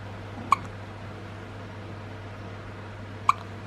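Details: Newborn baby boy with persistent hiccups that would not settle: two short, sharp hiccups about three seconds apart over steady room hum.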